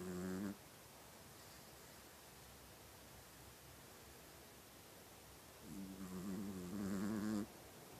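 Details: Sleeping mouse: brief, faint, buzzing breath sounds at start and end separated by several seconds of steady hiss; soft snoring.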